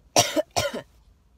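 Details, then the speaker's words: Woman with acute bronchitis diagnosed at the doctor's office, coughing for the past week, poor sleep: two harsh, forceful chesty cough bursts in quick succession. "doctor's office I have bronchitis you hear that that's what it's been like for me for the past week"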